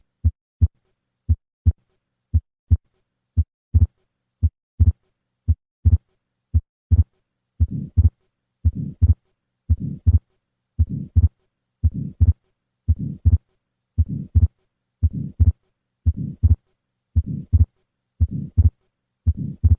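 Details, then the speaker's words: Atrial septal defect: a regular heartbeat near 57 a minute, with a soft systolic flow murmur across the pulmonic valve joining partway and a fixed split second heart sound. "The flow murmur across the pulmonic valve and a fixed split second heart sound are key findings in this diagnosis."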